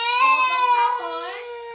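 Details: A young child cries and fusses with a high, wailing voice that falls away at the end while demanding milk; child crying.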